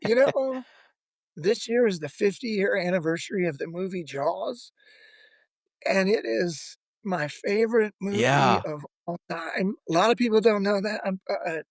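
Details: Adult male former lead vocalist who began losing his voice at the height of his career; self-reported spasmodic dysphonia, which he says is audible in his voice.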